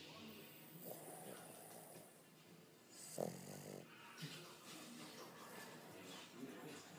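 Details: Female Boston terrier snoring while asleep: rattling, snorting breath sounds recurring every few seconds, with one louder snort midway.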